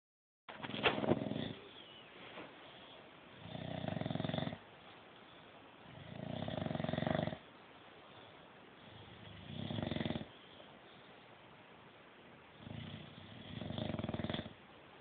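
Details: Snoring bulldogs: loud, rough snores on each breath in, about every three seconds (roughly 20 breaths a minute), with quiet pauses between.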